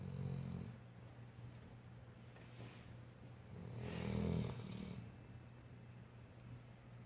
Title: snoring. Age 1yr.